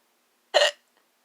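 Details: A single sharp, abrupt voiced gulp: one hiccup during a bout in which the person tries different vowel sounds; the bout was later ended by a sneeze.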